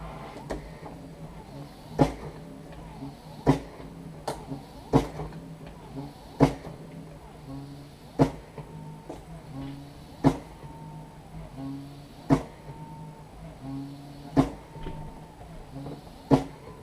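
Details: Prototype CoVent B Mark II mechanical ventilator built from off-the-shelf parts, running with a surgical glove as a test lung; repeating mechanical clicks and motor hum cycling roughly 20 to 30 times a minute.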